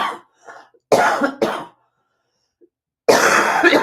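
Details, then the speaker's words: Persistent dry cough in an adult woman who has had it for some time: several short dry cough bursts with a throat clear, bringing nothing up. "Excuse me. You can hear it. It's not coming up."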